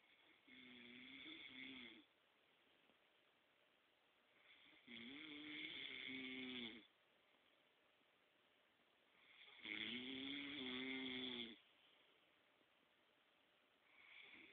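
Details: Adult man (boyfriend) asleep: loud, rough snores about two seconds long, repeating roughly every four to five seconds, with quiet breathing between; ordinary snoring.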